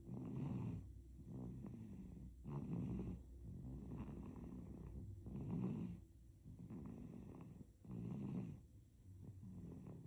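Soft rattling snore on each breath of a sleeping infant, roughly 25 breaths a minute.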